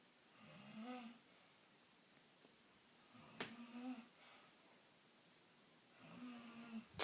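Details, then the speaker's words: Person recorded snoring in their sleep: three soft, buzzing snores about every three seconds in a quiet room, some with a brief snort; ordinary snoring. "do you really snore like that? Stop."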